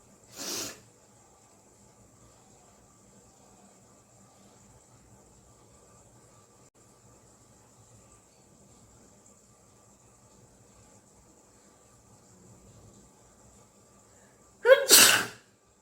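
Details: A quiet snort-like burst, a long near-silent pause, then one loud sharp sneeze, induced by tickling the nose with cotton during a sneezing challenge; sneeze.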